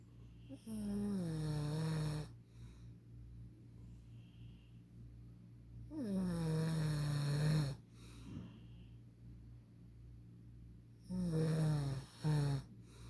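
Loud, low, rattling snores on breathing in, about 12 a minute, with quieter breathing between them and a steady background hum: snoring.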